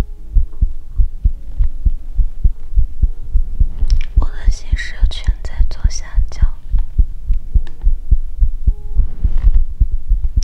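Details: ASMR heartbeat recording: steady low thumping normal heartbeat, roughly 105 pulses a minute, with a brief soft whisper-like rustle midway.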